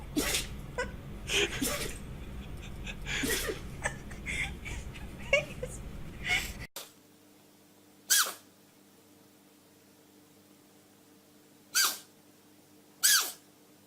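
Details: Several short, sharp sneezes from dogs and cats, some over background noise and others in quiet, each a quick explosive burst.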